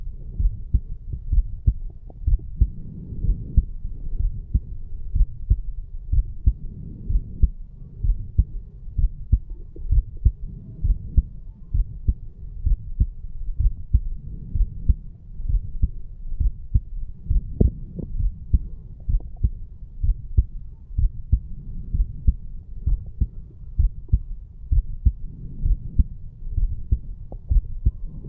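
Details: Strong, steady low thumps at about 64 a minute from a 34-year-old male, recorded over the mitral area after farmer's walk exercise: normal heart sounds.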